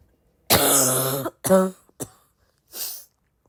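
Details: Adult with a worsening cough: a prolonged voiced, raspy cough followed by two shorter coughs and a breath out; harsh, persistent cough.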